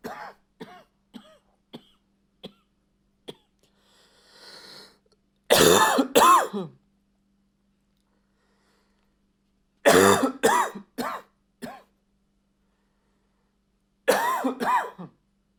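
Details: Adult acting dry, slightly barking coughs in fits, from short throat catches to louder harsh bursts: dry barking cough.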